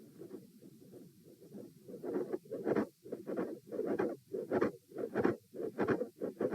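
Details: Stethoscope heart sounds at position A during a posture stress test (lying, sitting, standing, lying): an extra mid-systolic click and an S2 split that stays the same throughout, a fixed split.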